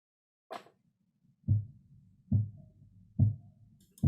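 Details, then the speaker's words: Korotkoff sounds during auscultatory blood pressure measurement with a cuff and manometer: regular soft low thumps at about 71 a minute, starting at 106 mmHg and disappearing at 78 mmHg. "so you could hear that that little thumping um and they wrote down they noticed oh the thumping started when it was 106. [Music] and then when it hits 78 the sounds disappear"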